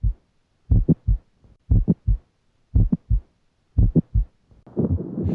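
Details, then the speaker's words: Teaching example: regular heartbeat near 58 a minute with an extra sharp click between S1 and S2; mid-to-late systolic click, typically from mitral valve prolapse, best at the apex, accentuated by inspiration. "Mid to late systolic clicks typically are caused by mitral valve prolapse. They're heard best at the apex and are accentuated by inspiration."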